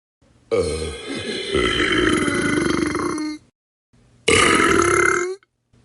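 Two long, loud, rumbling belches, the first lasting about three seconds. Burping from a sound-effect recording.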